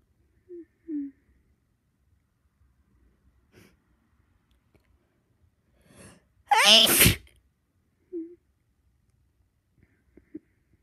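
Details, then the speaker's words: Half-asleep after taking sleep medication, tickling the nose: a faint intake and soft breathy sounds, then one loud, sharp explosive sneeze, with quiet breathing after; a single big sneeze. "Sneezing. Big sneeze. Big. I keep sneezing."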